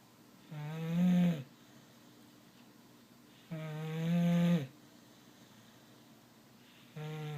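Tonal, buzzing snores on each breath in, roughly every 3 s, about 19 breaths a minute.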